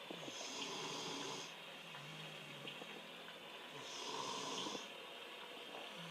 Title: Snoring?